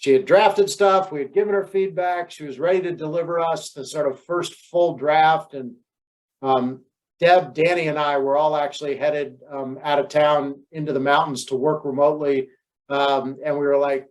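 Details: Adult woman speaking; normal speech.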